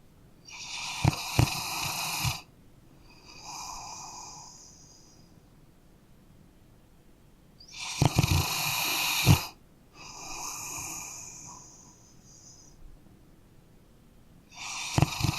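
Loud, rough snores on each in-breath with quieter hissing out-breaths, about 8 breaths a minute; ordinary snoring in a sleeping dog.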